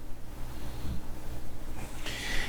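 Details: Low, rumbling snort-like breathing from a dog that snores with his eyes wide open, faint under steady room hum, heard during a live auction; snoring.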